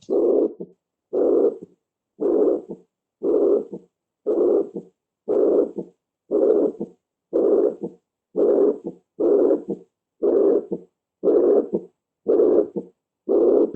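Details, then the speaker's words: Heart recording of chronic mitral regurgitation, heard at the mitral area: the same systolic murmur after the patient's condition worsened over time with heart failure, so the second sound is not heard the same. "este es el mismo soplo pero que ya el paciente ha pasado el tiempo se ha ido complicando con ese cardíaca y ya es una insuficiencia mitral crónica"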